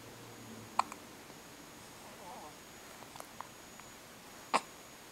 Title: December 07 hiccup 1.AVI